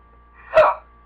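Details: Annoying hiccups while talking to camera: a single abrupt, brief voiced hiccup sound; ordinary hiccup.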